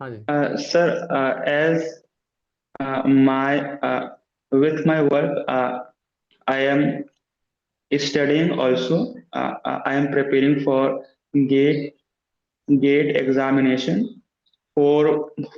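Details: Man who stammers, in a stammering self-help group, practising voluntary stammering; sound repetitions are audible; stuttering.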